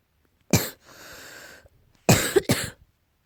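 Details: Three short, sharp cough bursts from a cat with a hissing breath between; repeated coughing, tagged allergy.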